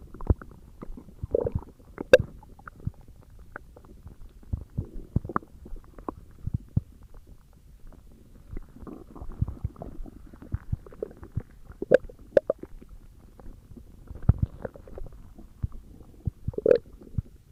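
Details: ASMR recording of stomach growling: quiet, irregular gurgles and rumbles with a few louder squeaks; borborygmi.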